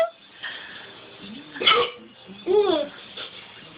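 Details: Two or three abrupt voiced catches with gulping breath amid room noise and talk: hiccups.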